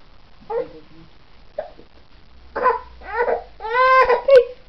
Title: giggles and hiccups may 2010